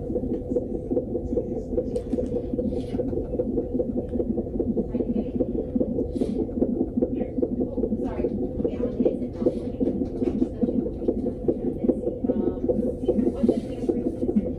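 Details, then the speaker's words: Pregnancy at 26 weeks 6 days with gestational diabetes, checked on a heartbeat monitor: fast, steady whooshing Doppler pulse about 150 a minute with movement noises, a fetal heartbeat reported as good. "doctor also put me on um the monitor for heartbeat just to make sure that baby's heartbeat is okay"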